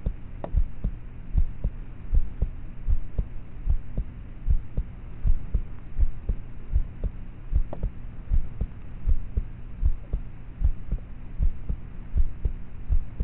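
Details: Own heartbeat of a person about thirteen, recorded at night in their room with a cheap mp3 player microphone: quiet, regular low thumps at about 77 a minute under steady hum; normal heart sounds, muffled poor-quality recording.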